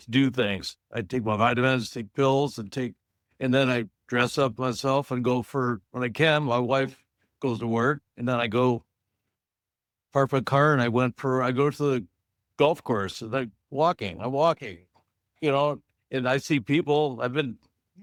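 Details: Adult man, stroke survivor in an aphasia support group, living with aphasia after stroke; aphasia.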